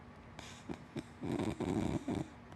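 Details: Low, rattling snore bursts with soft snorts from a sleeping black dachshund (wiener dog) and black Labrador mix, over steady room noise; ordinary dog snoring.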